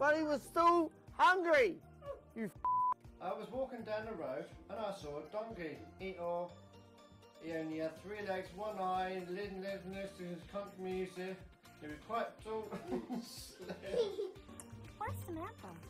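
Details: Speaker who states he has Tourette's, reading a children's book aloud, interrupted by vocal tics and interjections; Tourette syndrome vocal tics.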